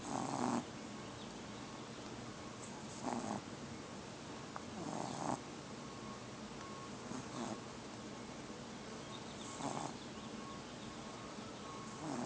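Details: A tiny 2½-month-old snoring: soft, irregular snorting breaths every few seconds over a steady background hiss; light snoring.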